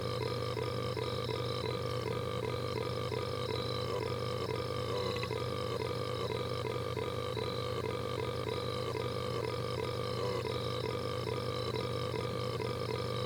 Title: red guy burps for a while